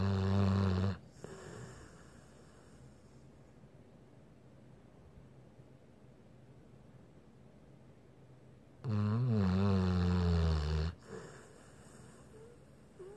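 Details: Blue Pit Bull dog in deep sleep snoring: two long, loud, low, human-like vibrating snores separated by about eight seconds of quiet breathing.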